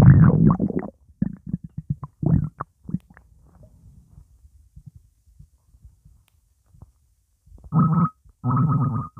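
Low, irregular gurgles and bubbling bursts, with two louder buzzing rumbles near the end; ordinary stomach gurgling (borborygmi) as fluid moves through the gut.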